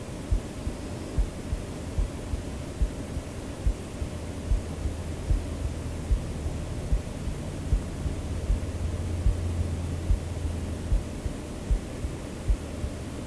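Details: Person's own recorded heartbeat used in a sleep-aid track: soft, regular thumps at about 75 a minute beneath steady white noise; ordinary resting heartbeat.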